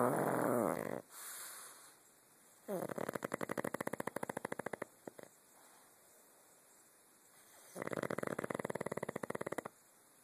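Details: A sleeping dog snoring loudly: rattling, fluttery, vibrating breaths with quiet pauses between.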